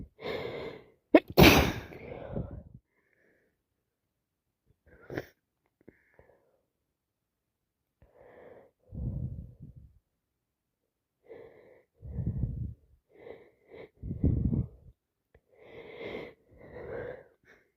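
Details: Repeated sneezes and sharp catching breaths with sniffing, some moist, in a quiet room; wet, messy sneezing on day 2 of a cold.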